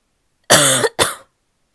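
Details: Barky coughing fit from a female; barking cough.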